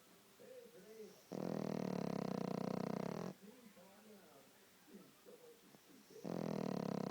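Two long, loud, fluttering snores with a buzzing vibration, separated by softer whistling breath noises through the nose; a dog snoring.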